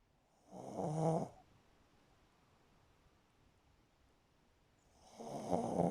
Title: The snore files 1(4)